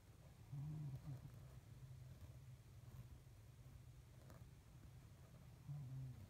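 Quiet, low rumbling snores at the start and end over steady room hum, a vibrating sound of the throat in sleep.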